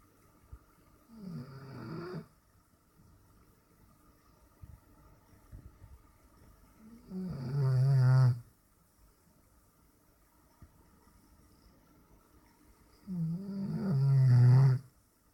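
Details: Relaxed snoring while asleep on a couch on a warm summer afternoon: three deep, rumbling snores on in-breaths, roughly every six seconds, with quiet breathing between.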